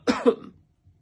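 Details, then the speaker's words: An adult gives two quick cough bursts, acted as a demonstration of coughing in a Turkish health-vocabulary lesson. "Öksürüyorum, hapşırıyorum."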